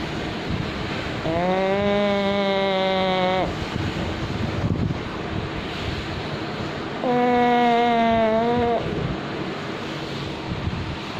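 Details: Very loud snoring from a sleeping pug, said to be natural and not worrying: two long, buzzy, tonal snores about six seconds apart over steady breathy noise.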